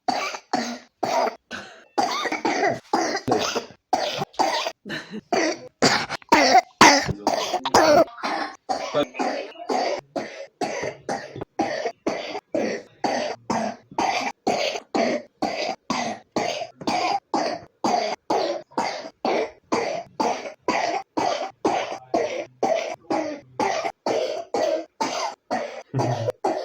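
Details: A 3-year-old child with pneumonia coughs repeatedly in short, rapid bursts, about 60 a minute.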